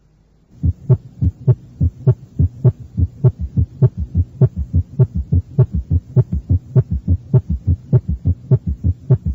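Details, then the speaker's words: Summation gallop recorded at the apex on a teaching tape, requiring a rapid heart rate: fast regular rhythm about 100/min, first and second sounds heard, then summation sound added as a low diastolic gallop. "se encuentra un ruido de suma o galope de suma para esto se requiere una frecuencia cardíaca rápida"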